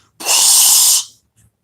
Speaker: back off for a second back off so that way you know if you're having trouble inhaling it's gonna give you that little time to in here